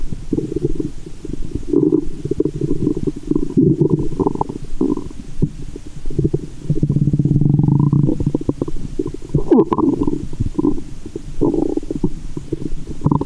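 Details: Loud, continuous low gurgling and rumbling with some sloshing, heard through a stethoscope at a woman's belly button after candy and fizzy soda: active bowel sounds (borborygmi) in a staged ASMR recording.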